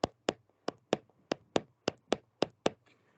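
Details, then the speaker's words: Spanish anatomy class: hand taps in paired beats imitate a normal heartbeat with first and second heart sounds, contrasted with a gallop rhythm; imitated normal S1 and S2. "porque el corazón cuando late normal late así luptop Ok así"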